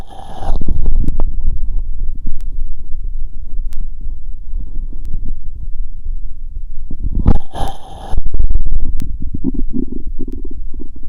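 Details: Low, irregular gurgling and rumbling through a stethoscope over the abdomen; ordinary bowel sounds.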